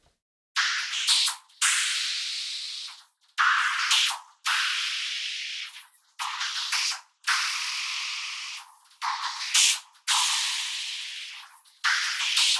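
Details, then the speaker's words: Simulation, reproduced with the hearing ear, of guitar music heard through a cochlear implant three months after surgery for single-sided deafness: hiss-like noisy bursts with clear rhythm but no recognizable pitch. "A very similar situation is, for example, with the guitar. I have a guitar piece recorded and through the implant it sounds like this."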